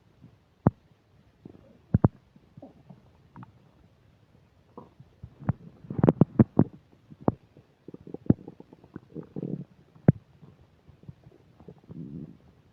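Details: Frequent gurgles, pops and low rumbling bursts, loud and busy, with occasional microphone static clicks: active bowel sounds (borborygmi) while eating a burger and fish fries, with upset digestion.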